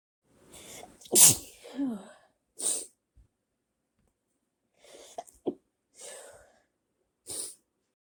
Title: bodyspray made me sneeze